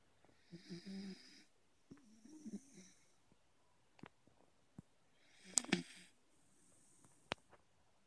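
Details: Soft, whistling snores with snuffles and small clicks from a sleeping beagle hugging its owner; harmless sleep snoring.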